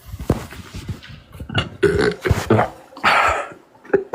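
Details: Man burping: several loud, low, rumbling belches in a row with brief gaps.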